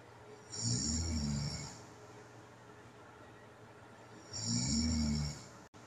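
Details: Two snoring breaths about four seconds apart with quiet between them; snoring during sleep in a person with sleep apnea, recorded at night.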